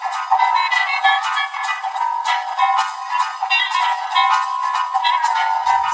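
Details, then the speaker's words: Simulated music through a short-electrode cochlear implant, with low tones under 500 Hz not transmitted: thin, tinny melody with bass nearly gone; a CI user with late-onset progressive hearing loss finds it accurate to her eight-electrode program. "So what the what happens to the melody on a short electrode array? It feels really imbalanced on low frequency um tones because kind of they're not completely gone but they're really really quiet."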